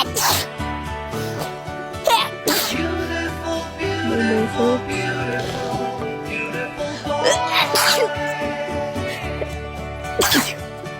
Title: natural sneezing attack